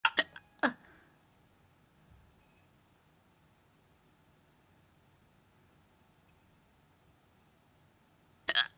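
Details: Several abrupt, sharp gulping sounds near the start and one more after a long quiet pause; hiccups.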